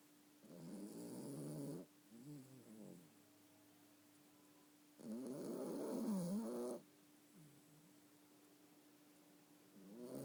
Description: My yorkie snoring